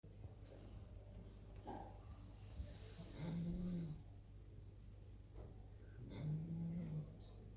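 Two low, rumbling snores about three seconds apart over steady room noise; ordinary snoring from a sleeping dog.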